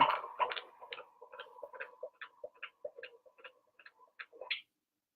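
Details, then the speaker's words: Fetal heartbeat at 19 weeks of pregnancy, recorded at a midwife appointment on a Doppler turned up loud and replayed through a heartbeat toy's small speaker: fast, regular whooshing thumps, about 150 a minute. "we've been trying to get a recording here, but the Doppler isn't super loud, and so we went and they could turn up the volume really loud with the heartbeat. So she recorded it for us."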